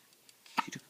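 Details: Little baby boy's single short, sharp voiced hiccup with a quick gulping tail.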